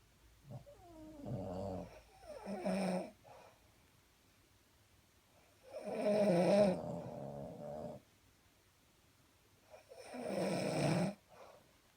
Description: Me and Mini the Boston Terrier having a snore war!!! LOL too funny!!!!